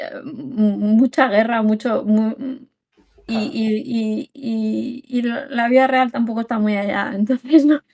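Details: Adult woman with Tourette syndrome, with involuntary movements and motor tics that often cause muscle contractures, speaking in Spanish; vocal tics.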